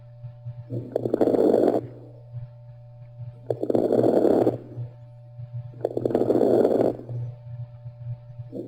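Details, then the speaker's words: Lung sounds through a stethoscope: three noisy, bubbly, gurgling breaths with crackling pops over a steady hum, rales from fluid or mucus in the air passages. "rails rails are a bubbly or noisy sound caused by fluid in by fluid or mucus in the air passages it sounds like gurgling literally when you listen to the person's lungs"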